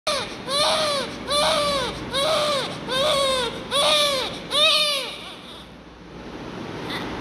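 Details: Newborn baby under treatment, prescribed Inj. Fortum 250 mg, gives six rhythmic, strong, high-pitched cries about one second apart, then quiets: steady, vigorous newborn crying.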